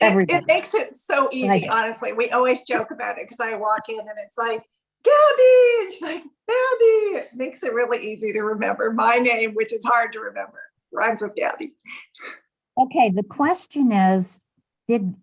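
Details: Adult woman; normal speech.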